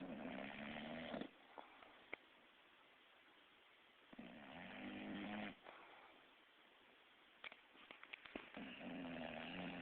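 Low rattling snores come in long runs, separated by quieter breathing gaps, with room noise in the background. Ordinary snoring.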